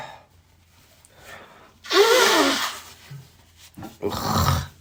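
Two forceful sneezes with sharp inhaled breaths before them, from allergic sneezing.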